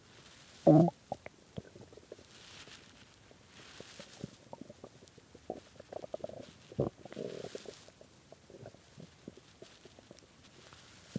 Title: really hungry stomach growling from skipping lunch and dinner and started growling bad at 3:am